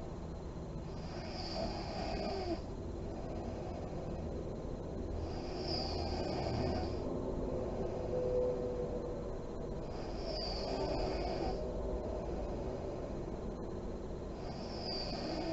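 Soft, rough snoring breaths about every four seconds over steady low room hum: snoring in deep sleep.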